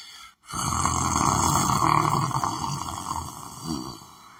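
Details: Person lying on the floor asleep, snoring: one long, rough, rattling breath sound with a low flutter in a small room.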